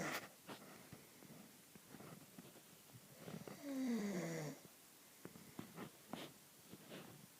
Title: Hubby Snoring.. Ssshhhhh